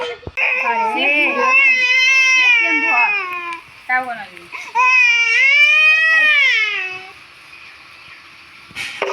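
Loud, high-pitched wailing cries in long rising and falling bursts with short catch breaths between; ordinary infant crying.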